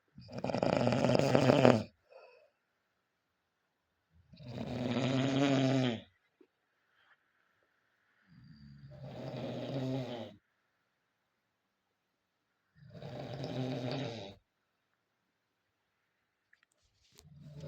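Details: Several people (roommates) heard snoring loudly at around 1 a.m. in a shared room, keeping the speaker awake: four loud, rough snores separated by silent pauses, about 14 breaths a minute; heavy snoring during sleep.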